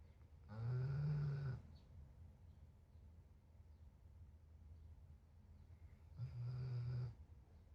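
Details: Two low, buzzing, vibrating breaths about five seconds apart in a quiet room; steady snoring.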